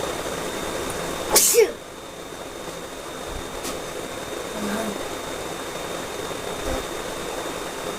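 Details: A single sharp sneeze burst against quiet room noise, with faint sounds afterward, during a sneezing challenge between a parent and son.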